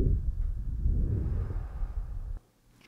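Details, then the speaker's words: Standardized patient in a chest pain/shortness-of-breath OSCE exam, taking deep breaths through the mouth; Eko electronic stethoscope lung recording, edited overlay. Soft, low rushing breath stopping abruptly, no wheeze: normal breath sounds. "now I'm going to listen to your lungs so take a big breath in and out of your mouth deep breath"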